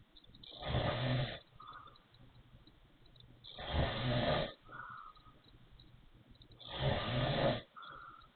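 Three loud rattling snores with a faint whistling quality, about 20 breaths a minute: wheezy snoring.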